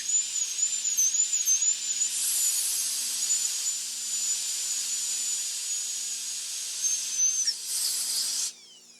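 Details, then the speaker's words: High-speed handpiece re-entering to extend a Class II mesio-occlusal amalgam preparation to the proximal surface, leaving an enamel shell at the marginal ridge. Steady high-pitched whine dipping in pitch as it cuts, with air-water spray hiss. "the operator re-enters the Burr and prepares the extension to the proximal surface leaving a shell of enamel at the marginal Ridge"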